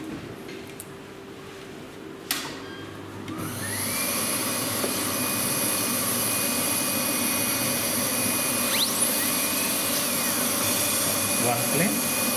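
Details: Live veneer preparation of maxillary anterior teeth in a dental student with a diastema, smile-design case: quiet room, then a high-speed dental handpiece spins up into a steady high whine, pitch shifting as it cuts tooth.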